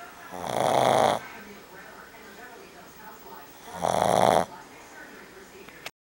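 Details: Ollie, a pug, snoring loudly: two loud, rough, rattling snores about three seconds apart with quiet breathing between them; ordinary snoring in a flat-faced dog.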